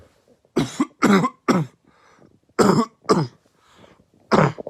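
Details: Barking cough: five harsh, abrupt cough bursts in two runs with a hoarse barking quality, from a compilation of coughs.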